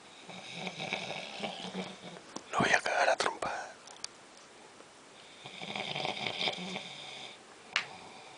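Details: Rough, rattling snores with a louder snort and gasp in the middle; heavy adult snoring.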